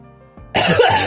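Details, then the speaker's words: Adult woman who is sick with a cold: a single harsh cough with some throat clearing. "Euh, je m'excuse si jamais j'ai laissé tous les toutes les fois où j'ai toussé au montage, mais écoutez, je suis malade quoi."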